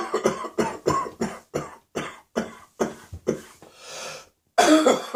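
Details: Morning coughing in an adult whose cough is descending into the chest while still causing a lot of throat pain: a chest cough.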